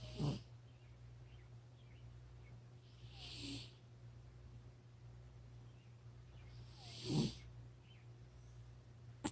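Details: Fat cat snoring: brief rough snorting breaths every few seconds over a steady room hum while the cat sleeps.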